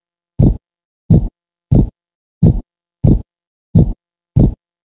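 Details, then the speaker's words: Normal heart sounds S1 and S2: steady, regular low lub-dub thumps; S1 louder and longer, from atrioventricular valve closure, S2 from later valve closure. "are two major heart pounds that make up a heartbeat known as s-one and s-two the heart sounds result from audible blood turbulences of blood flow caused by the closing of heart valves"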